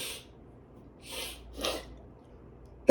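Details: Repeated allergic sneezing fit: three short sharp nasal bursts in quick succession with sniffing and snorts; person says they have allergies and the sneezes are very strong.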